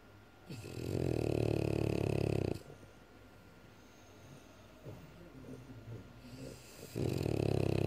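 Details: Loud snoring from a French Bulldog.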